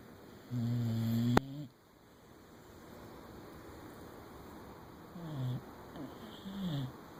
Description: Molly(boxer) and T-bo (weimaraner) cuddling on the couch snoring